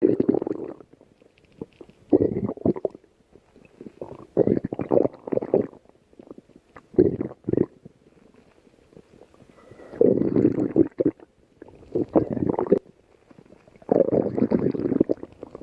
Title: stomach growling